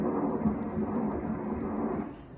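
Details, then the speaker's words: Fetal ductus venosus Doppler at 13 weeks' gestation, crown-rump length 8.4 cm, fetal heart rate 149 bpm: steady rushing whoosh with fast soft pulsing; normal waveform without negative wave. "ਇਹ ਡਕਟਸ ਵੀਨੋਸਸ ਹੈ ਇਹ ਇੱਕ ਤਰੰਗ ਹੈ।"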